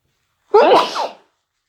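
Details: Single forceful sneeze with a voiced onset and sharp burst of air, deliberately induced during hay fever; sneeze.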